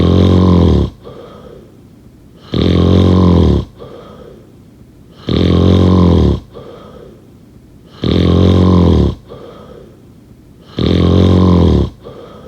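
Loud, steady, vibrating snores, each followed by a softer out-breath, repeating very regularly about 22 times a minute. Continuous heavy snoring.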